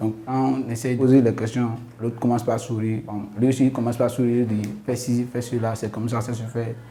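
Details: Adult man speaking French; Normal fluent speech.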